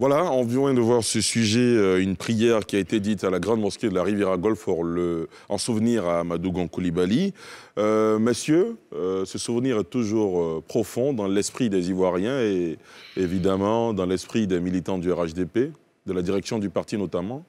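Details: Adult male speaker; normal voice.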